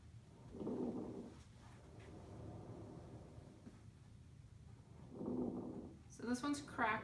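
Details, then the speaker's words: Simulated lung sounds on a SAMII simulator: crackles, soft popping added over vesicular breath sounds and heard in only one phase of breathing (inspiration or expiration, not both), over a soft rustling background. "crackles so you can still hear like the waves hitting the sand it's you still have that vesicular sound but superimposed or added on top of it are these crackles so it's kind of like that popping um crackling sound"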